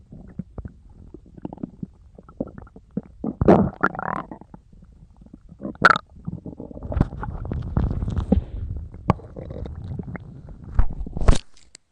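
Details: Long stretches of low gurgling and bubbling with squeaks and pops mixed in; stomach rumbling, a normal sound of the gut at work.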